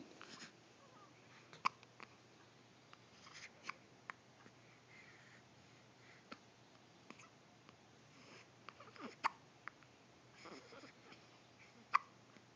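Quiet room with brief, sharp, irregular catches of breath at about 20 a minute, typical of hiccups.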